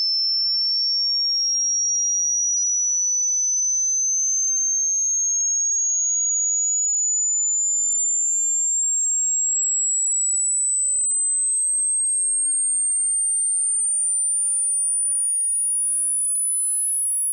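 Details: Tinnitus pitch-matching frequency sweep: a tone rising from the lowest to the highest human-audible pitch, with a digital indicator for each tone.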